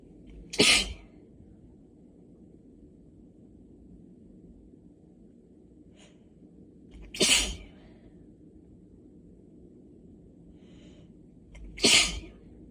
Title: Intensifying allergy sneezes